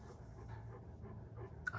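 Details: Great Pyrenees male dog, heat-sensitive, panting in quick, shallow, open-mouthed breaths after the room warms slightly from a stove; normal heat panting.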